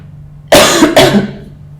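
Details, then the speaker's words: Two short, harsh cough bursts from an adult in a quiet room in Argentina, a lingering post-COVID cough, with heavy sweating and facial puffiness as other remaining symptoms. "but i still haven't completely recovered from it one of the most annoying symptoms that i have left is coughing and very heavy sweating"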